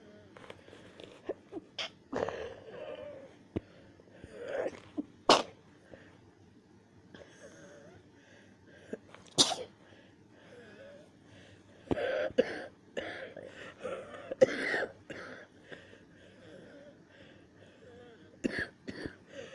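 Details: Hard sneezing, so rough the person was nearly choking: several sharp, explosive sneezes, some closely spaced, with quieter breathing and rustling between them.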